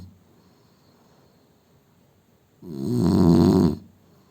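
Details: Indian man snoring: one loud, rough, low-pitched snore on an in-breath after a quiet stretch.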